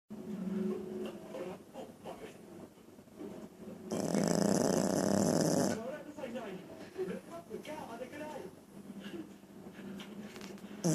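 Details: One loud rough snore amid softer noisy breathing and faint background sounds; snoring.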